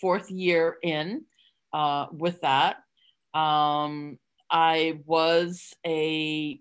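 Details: Adult woman with real stuttering who hid it for close to 30 years through avoidance (covert stuttering) before stuttering openly; stuttering.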